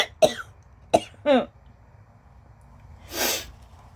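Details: Short coughing bout from a person with allergies, diagnosed with mild lung damage as an infant and not asthmatic: two sharp dry coughs, a voiced throat-clearing cough and a breathy sniff, with possible wheezing.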